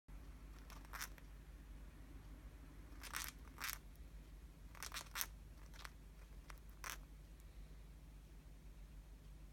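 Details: Cockatiel grinding its beak: soft, brief scraping clicks in irregular clusters, with a low steady room hum.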